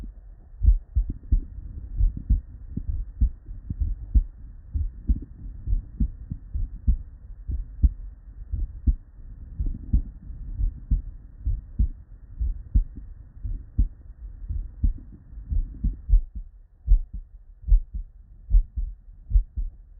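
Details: Real, unedited normal human heart sounds (S1 and S2), recorded at the bedside from multiple patients with normal cardiac physiology and looped seamlessly.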